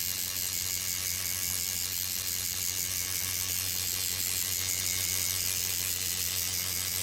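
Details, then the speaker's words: Professional microneedling of a client's cheek, starting at the ear and moving downward, with the pen turned to full power and the tissue grabbed. Steady high-pitched mechanical buzzing whir of the microneedling pen in normal operation. "I'm gonna turn the power all the way up. This is where I really need it to punch, punch, punch."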